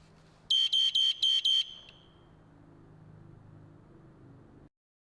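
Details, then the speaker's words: Parapac Plus 310 MRI-compatible transport ventilator, function switch turned to position 1. Five quick high-pitched beeps, then a low hum: the alarm self-test sounding at switch-on, showing correct function. "turn the function switch to position 1. check that the alarm indicators flash in sequence to indicate correct function"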